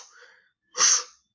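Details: Lecturer's breathy, hissing vocal imitation of a blowing (aspirative) heart murmur.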